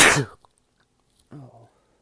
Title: quick sneeze clip